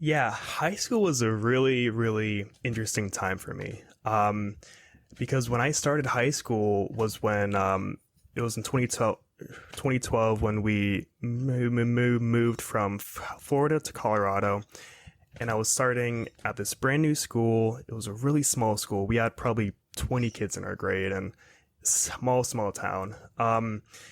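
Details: 22-year-old man who has stuttered his whole life, recently reaching confidence and acceptance of it, speaking in a real podcast interview; stuttering.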